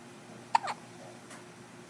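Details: Six-day-old who just had a big dinner: one abrupt, short voiced catch of breath over faint room noise; hiccups.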